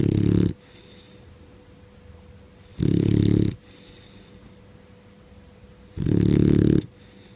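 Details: Boxer dog snoring loudly while sleeping: three loud, low, rough snoring breaths about three seconds apart, roughly 20 breaths a minute, over a steady background hum.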